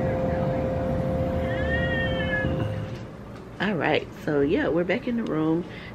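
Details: Newborn baby boy delivered by scheduled C-section in hospital, recorded around his first bath; short, high, wavering cries over steady room hum with a brief beep early on; an ordinary newborn cry.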